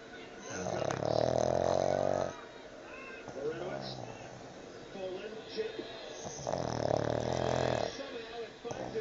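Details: Pug napping, very tired, waking himself up with loud, buzzing snores at irregular intervals, quieter breathing between; sports broadcast in background.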